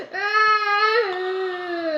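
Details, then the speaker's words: Young child crying about an Eid haircut while being calmed, a sustained tonal wail rising slightly then falling away, after crying for about a minute. "আমরা শান্ত করাচ্ছি, আমরা কান্দা recording recording আর recording 1 minute ধরে কান্দেছে।"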